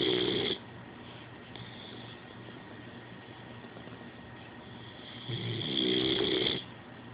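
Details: Snoring from a sleeping boxer puppy: two loud, rattling snores about five seconds apart, with quiet breathing between them.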